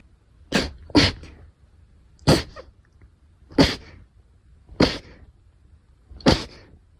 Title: sneeze 111-120